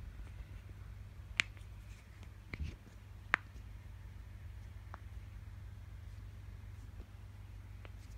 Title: Cracking Joints